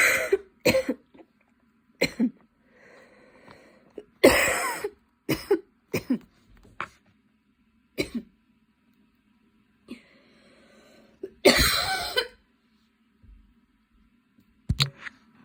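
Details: Person studying for an exam, whose cough attack grew so intense they had to stop and keep changing positions: repeated harsh coughs in clusters with wheezy, strained breaths between bouts; a coughing fit.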